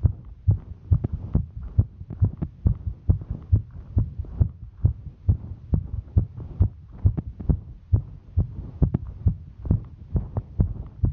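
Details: Female's heartbeat recorded while hiking: fast, regular thumping at about 136 beats a minute, a normal rate quickened by exertion; normal heart sounds during exertion.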